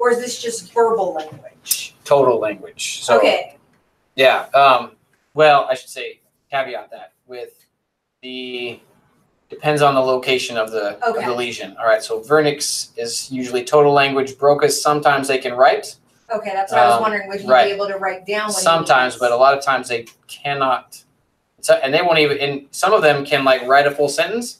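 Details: Adult lecturer; normal speech.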